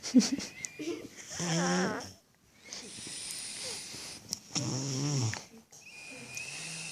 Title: Baby snoring